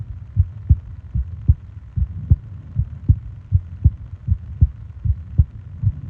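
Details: Heartbeat and breathing sounds for ASMR sleep: steady lub-dub heartbeats at about 78 a minute over a soft low hum; a regular resting heartbeat.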